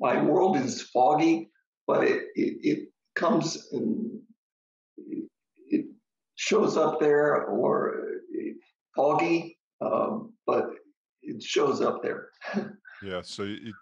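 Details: Adult man, stroke survivor: ischemic stroke treated with TPA, which then caused a hemorrhagic stroke; struggles to get through a sentence; aphasia with brain fog.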